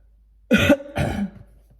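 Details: Adult extremely sick, seeing a doctor later, reading Bible aloud during a coughing attack: two short harsh bursts, a cough and a throat clear, in a quiet room.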